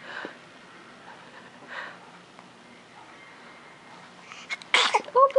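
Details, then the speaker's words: A baby girl gives a cute sneeze, then a little yawn. "There's a cute sneeze."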